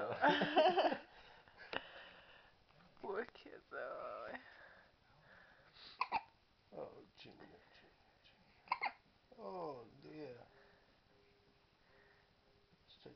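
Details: Infant boy with hiccups at night while father tries to get rid of them: soft, irregular little hiccup sounds with fussing noises and an adult voice in a quiet room.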